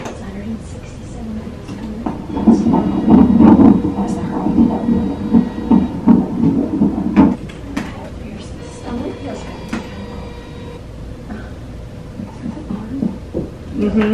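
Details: Rapid rhythmic whooshing pulses, about 160 a minute, of a fetal heartbeat heard on a 25-week ultrasound in an IVF twin pregnancy.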